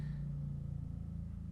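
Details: Steady low rumbling suction of an endoscopic ear microsuction device removing firmly embedded wax from a very narrow ear canal, with a Jobson horn also used.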